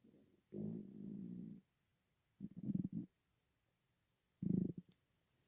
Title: Betty Rubble's stomach rumbling